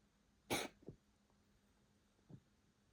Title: Coughing fit July 26